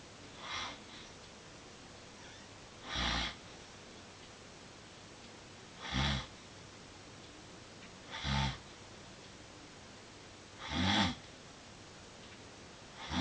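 Rough, noisy breaths recurring about every 2.5 seconds, roughly 25 a minute, with a snorting quality; snoring.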